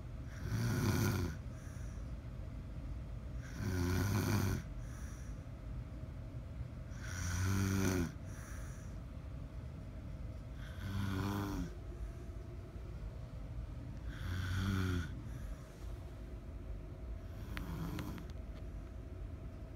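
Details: Mother asleep: regular low, rattling snores on each in-breath, about 18 a minute, with quiet pauses between; ordinary sleep snoring.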